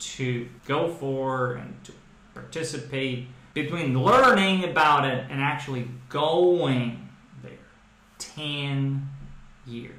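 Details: Adult man who stutters, speaking with "training speech" learned in fluency-shaping speech therapy for stuttering: stuttering (fluency-shaping speech).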